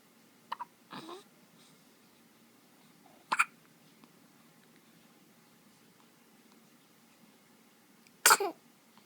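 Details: Hiccups: three short, abrupt gulping bursts several seconds apart, separated by quiet, in a quiet room.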